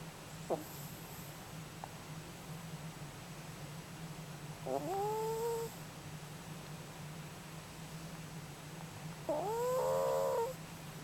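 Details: Soft nasal snores with a rising whistling tone, about one every four to five seconds, over a steady room hum; snoring.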